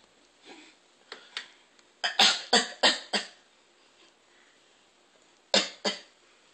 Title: Beastly coughing